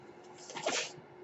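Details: Podcaster's own home ventilator during speech recording: brief airy whoosh rising and fading over quiet room noise as a breath is delivered; mechanical ventilator noise.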